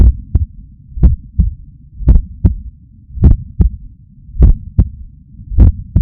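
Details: Loud, deep paired lub-dub thumps at about 52 beats a minute, fairly steady, over a low hum: a forceful heartbeat recorded with a Stemoscope stuck to the chest under a shirt, after waking up stressed.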